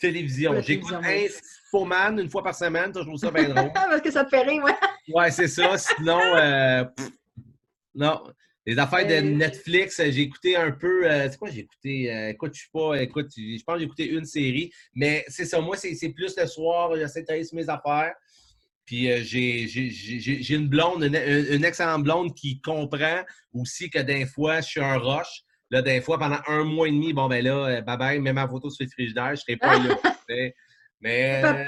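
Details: Adult male event host who says he now almost no longer stutters and that his stuttering gets worse when he is tired; stuttering.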